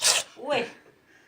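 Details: Cat sneezing like a human: a sharp hissing burst of air followed by a brief voiced, almost human-sounding note.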